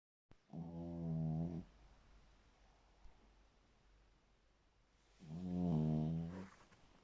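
Two long, low, buzzing snores about five seconds apart, each lasting over a second, in a quiet room.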